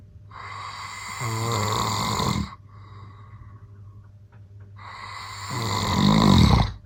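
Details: Adult man (a dad) snoring loudly at night: two loud, rattling snores on breathing in, separated by a quieter breath out, with steady low room hum; loud habitual snoring.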